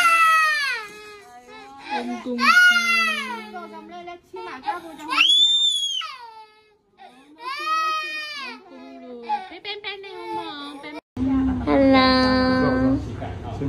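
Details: Baby crying in pain during an injection at vaccination: loud, high-pitched, repeated wailing bouts with short gasps; infant pain cry.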